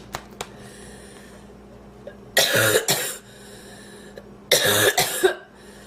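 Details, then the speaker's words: Two harsh bursts of forceful, repeated coughing separated by a quiet pause; a woman's coughing fit after inhaling part of a sandwich, leaving her lightheaded and feeling food in her lungs. "oh i was just eating a sandwich and i inhaled part of it i thought i was gonna choke to death"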